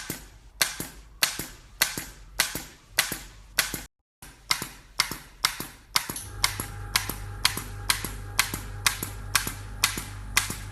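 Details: Painfree U225 injection gun being primed before a PRP (platelet-rich plasma) cosmetic injection: rapid sharp mechanical clicks, about two a second, with a low motor hum in the second half.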